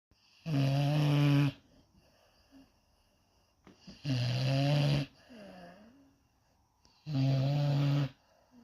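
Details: A Cane Corso dog snoring: deep, buzzing snores about 19 a minute, each about a second long, with a soft wheezy sound on some out-breaths.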